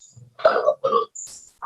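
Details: Alaryngeal pharyngeal speech after total laryngectomy, with air diverted towards the pharynx for voicing.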